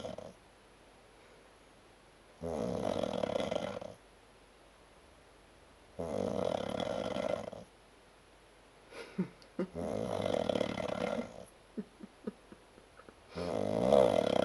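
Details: An adult man, asleep after drinking at Oktoberfest, gives loud rattling snores about a second and a half long, recurring every three to four seconds with quiet gaps; snoring.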